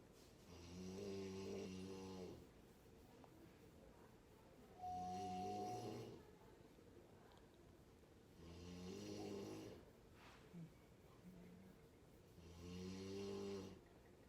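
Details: A woman snoring after giving birth: loud, rattling snores with each breath in at about 15 breaths a minute, with quiet breathing between them. Heavy snoring.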